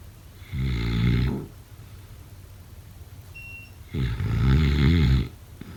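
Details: Two loud, rough, low fluttering snores on breathing in, about three seconds apart, with quiet pauses between; snoring during sleep.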